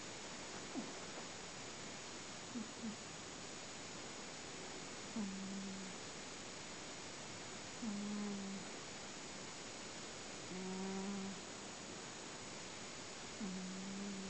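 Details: Cat in very deep sleep, not waking even when her head is rubbed; soft, low, droning breath sounds recur every few seconds over steady background hiss: snoring.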